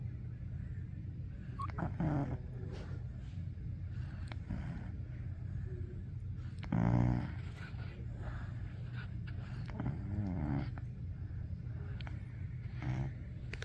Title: puppy's nose wiggles so cute when she snores ♡♡♡